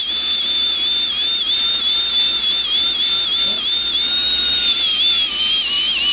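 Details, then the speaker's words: Continuous high-pitched whine of a dental handpiece, pitch wavering as it cuts, trimming and smoothing a temporary crown's edges to even width and thickness during a single-unit crown procedure. "all right so now we're just going to trim the temp right here we're going to make sure that all the edges are the same width same thickness make sure it's nice and clean"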